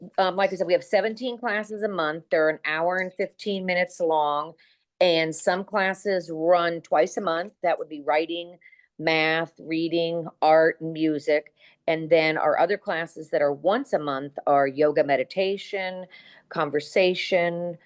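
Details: Adult woman speaking; Normal speech.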